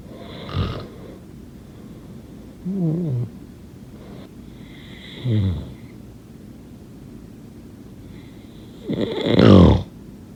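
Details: Snoring.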